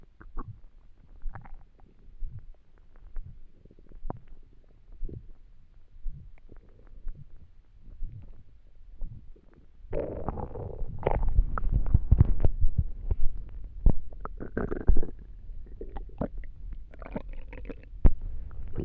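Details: Stomach noises from an empty stomach while trying to sleep: soft irregular low gurgles, then a long stretch of louder rolling rumbles; a normal sound.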